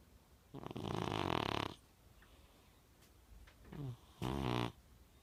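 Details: Young British Shorthair Blue cat snoring while asleep: rhythmic rough breaths, a buzzing inhalation followed by a shorter vibrating one, in a quiet room.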